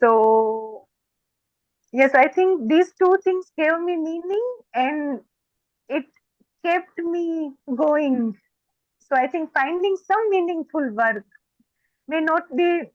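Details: Stuttering (stammering) in an adult woman who says she stammers more when she gets excited.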